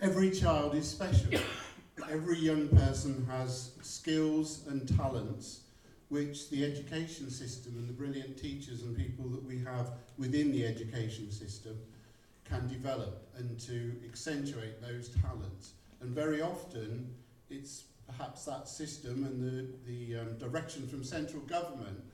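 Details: Adult man; no speech disorder.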